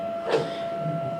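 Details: A brief puff of air over a steady mechanical hum as the OxyGEN emergency ventilator, a device automating a resuscitator bag, is switched on after its cam is inserted.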